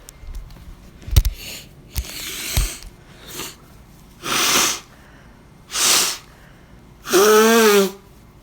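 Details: An animal's forceful, noisy sneezes ending in a louder voiced blast; an ordinary sneeze.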